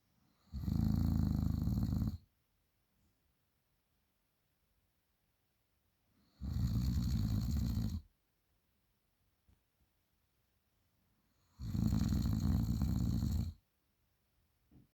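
Three loud, rattling snores about every five seconds, roughly 12 breaths a minute, with silence between: heavy snoring.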